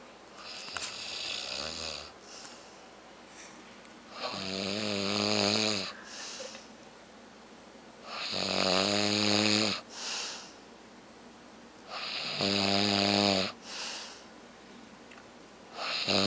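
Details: A man snoring loudly: harsh rattling snores on each in-breath, about 16 breaths a minute, each followed by a short breath out; snoring.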